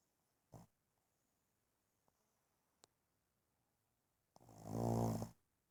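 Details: One-year-old Boston terrier sleeping: a brief snort, then one loud, rattling inhaled snore in a quiet room, ordinary snoring.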